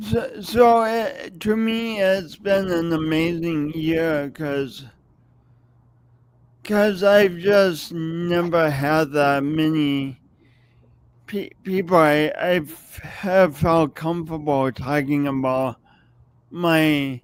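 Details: Stuttering-type speech disfluency in an adult man who has lived with a speech impediment for many years and says everyone hears it whenever he speaks.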